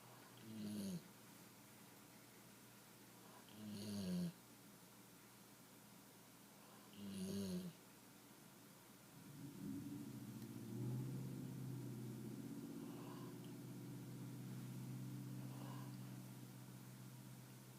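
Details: Snoring from a sleeping female puppy after a long day: soft, brief snores roughly every three seconds, then a longer droning snore.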